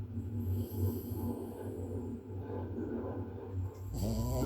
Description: A small dog snoring 💤